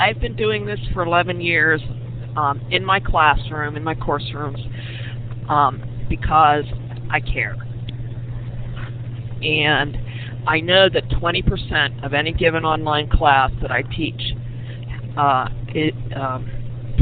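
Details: Adult woman who says she stutters, speaking with stuttering.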